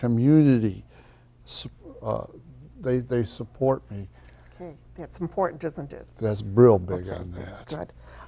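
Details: 62-year-old man with aphasia caused by a stroke in 2009; he has attended an aphasia program since 2012.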